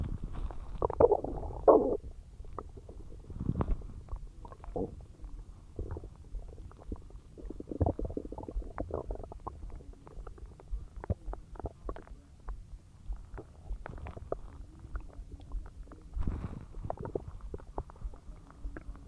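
Irregular gurgling and rumbling with pops and squeaks: loud digestion noises, ordinary bowel sounds after a large meal.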